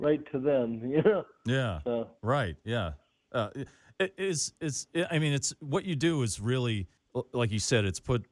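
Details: Dysarthria in an adult male comedian with cerebral palsy, speaking in an interview.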